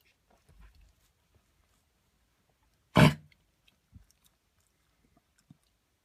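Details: Dog coughing since running in the park yesterday, in fits every few seconds for minutes, sometimes as if trying to cough something up; one sharp, harsh cough amid faint snuffling and movement in a quiet room; cough.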